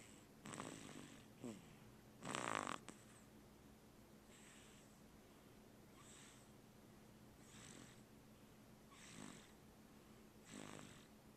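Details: Soft, repeated snorting breaths with a whistling edge, roughly every one and a half seconds, over a steady low hum: snoring.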